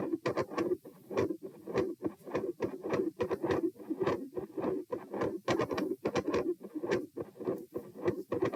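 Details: Heart sounds recorded at position p with the subject standing: rapid beats about 100 a minute with a continuous, harsh, machinery-like PDA-type murmur that fades in and out, then a major change in pattern and volume with a loud split S1 and an S2 murmur.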